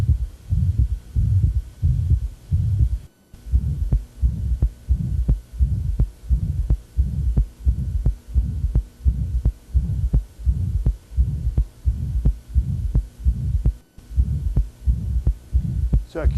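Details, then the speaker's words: Woman with acute severe mitral regurgitation in pulmonary edema, with a thrusting precordium, heard short of the apex. Crackles are heard, then a high-frequency holosystolic murmur. "you can hear crackles she's in pulmonary edema now we hear the murmur holosystolic high frequency"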